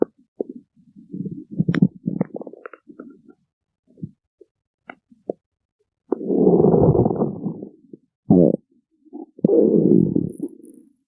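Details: Stomach growling (borborygmi): loud low gurgles and long rumbling growls separated by silent gaps, normal bowel sounds from moving gas and fluid.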